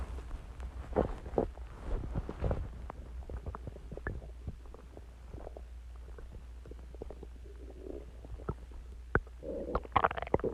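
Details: Stomach growling recorded about an hour after eating eggs and ice cream and drinking Coke, loud enough to hear unaided: active bowel sounds (borborygmi).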